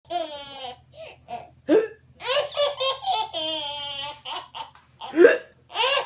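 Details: Baby with hiccups laughing and squealing in bursts, broken by short, abrupt catching hiccup sounds.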